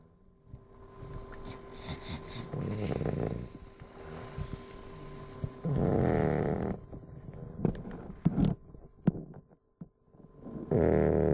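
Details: Sleeping bulldog snoring: loud, rough breaths in irregular bursts with some snorts, typical noisy breathing of a flat-faced dog.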